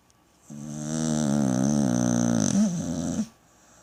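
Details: Pit bull snoring: one long, voiced, rumbling snore-like sound lasting nearly three seconds, ending in a short groan.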